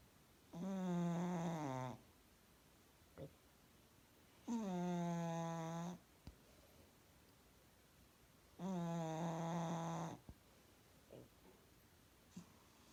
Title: Cat snoring